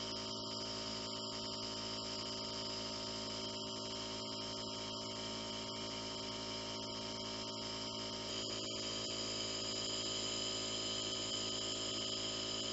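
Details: Jet nebulizer giving an asthma breathing treatment, used twice daily (AM and PM), held in the lap while the patient sits upright taking the medicine: steady buzzing machine hum with a constant hiss.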